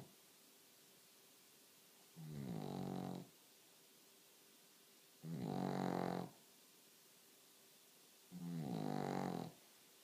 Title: Snoring Dog